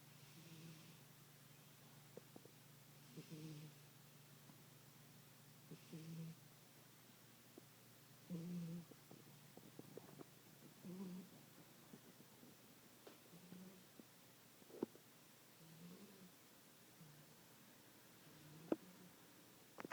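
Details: Snoring in a sleeping pet cat that lived 13 years, recorded two years before its death: very quiet, soft snuffling breaths repeating every few seconds over faint room noise.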